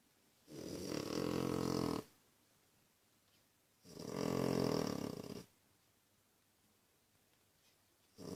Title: Mummy feeding babys and snoring